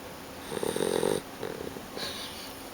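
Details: Guide dog puppy snoring while asleep on a person's leg: soft, fluttering snores on a few breaths.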